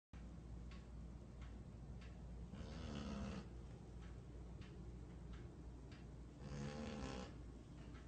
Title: Snoring Dog